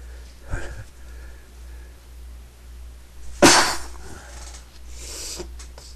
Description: trying, not succeeding, to be quiet